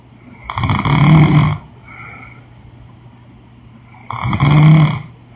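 Two loud, rough snores about three and a half seconds apart, each on the in-breath, with a quieter breath between them.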